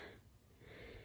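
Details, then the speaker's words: Horse (mare) with allergy and heaves after eating week-old hay, wheezing: rough, noisy whistling quality on the airflow, before herbal treatment. "But she's allergic to something in it. You can hear her wheezing. Really hear her wheeze."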